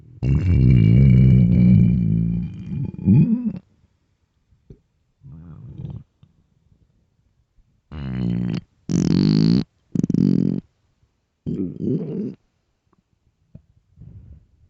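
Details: Loud stomach growling from hunger after a long day: long, low gurgling growls and shorter rumbling bursts separated by silence; normal bowel sounds.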